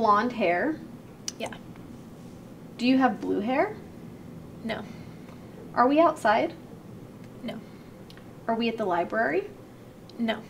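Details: Adult female speaker, with brief spoken replies; normal speech.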